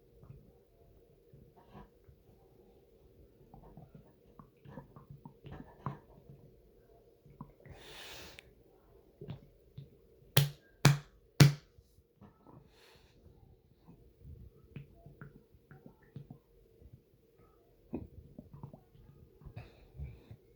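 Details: Irregular low gurgles and watery pops from an adult's stomach; ordinary bowel sounds (stomach gurgling).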